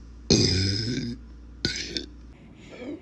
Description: My big burps get you hooked yet, if yes then subscribe